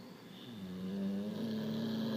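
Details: Dog asleep at night with its owner: a single drawn-out, rising, buzzing breath with steady vibration; dog snoring.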